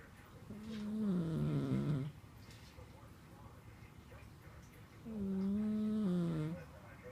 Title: Snoring cat